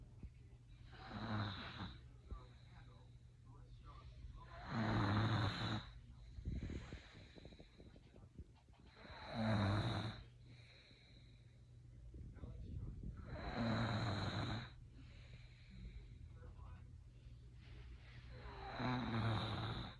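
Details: 3-year-old boy snoring during an afternoon nap in bed, slow regular snores about 14 breaths a minute with a steady low hum in the background.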